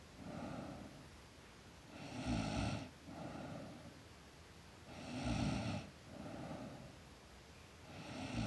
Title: Girl Sleep Snoring